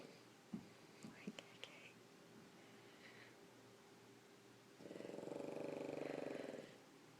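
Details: Pug sleeping on its owner: a soft whistling breath, then a long, rattling, buzzing snore on the in-breath; flat-faced dog snoring.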